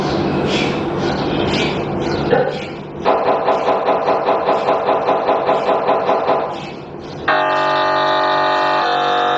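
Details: MRI scanner sounds played to show what patients hear: loud rhythmic knocking about two and a half per second, then a steady loud buzzing tone; noise that frightens some claustrophobic patients.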